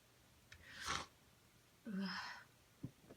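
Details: Two forceful, noisy sneezes a second apart, then a brief sniff, induced with rolled-up tissue in a nose that was sensitive all day, possibly an early cold or allergy season; sneezing.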